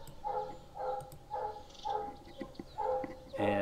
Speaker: i apologize if you hear that noise in the background that is actually my cat snoring i have no idea that cats snored or that they snort so loud